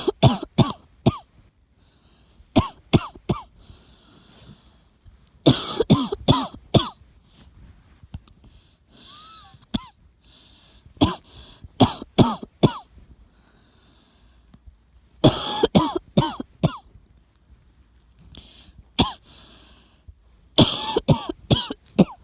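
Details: Repeated bouts of harsh coughing in short clusters, with quiet gaps and throat clearing between them; cough.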